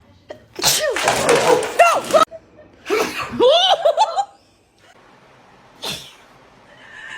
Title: Sneeze that scares the cat.🤣😂#funny #catsruleeverythingaroundme #pets #cat #kitten #funnyvideo